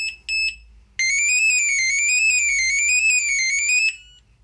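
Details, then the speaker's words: Nanny Care BM03 (2022 version) infant breathing monitor demonstrated with no movement: after about 20 seconds without detected breathing movement, two short warning beeps, then a loud continuous warbling alarm, an infant apnea monitor alarm. "Si je ne bouge pas, dans 20 secondes, une alarme va se mettre à ressentir. Pourquoi? Tout simplement parce qu'elle n'aura pas détecté de mouvement respiratoire."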